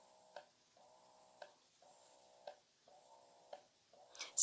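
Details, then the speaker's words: IKARE double electric breast pump running, apparently in massage mode: quiet rhythmic motor hum with a soft click about once a second, possibly quieter than a Spectra pump. "pretty quiet I think it might be more quiet than the spectra is one that I have"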